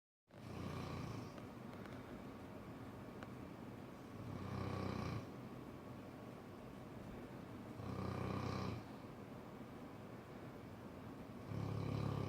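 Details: Cane Corso dog snoring: low rumbling snores recurring about every 3.5 seconds, roughly 17 breaths a minute, over steady background noise.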